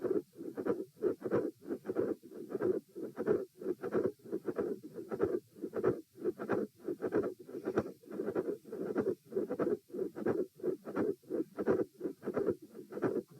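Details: Heart auscultation stress test at position E, repeat test; heart rate 84, 96, 114 and 78 bpm across lying, sitting, standing and lying again. Midsystolic click and murmur with a fixed split S2.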